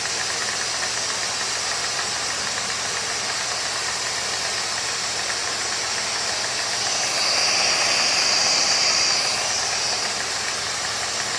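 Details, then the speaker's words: Dental suction unit (Micro-Smart, firmware 20180223) in a test rig, ball valve simulating a spittoon valve: steady loud hiss and whoosh drawing air and water, brief rise midway; light, fairly constant flow, pulling nicely. "as you can see the flow off into the pumps for me it's quite light but as you can see it's actually pulling very nicely the main waters on the inner side of the tube and very good with that fairly constant flow of it"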